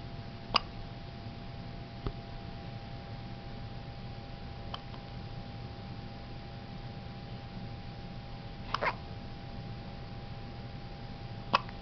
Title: Hiccups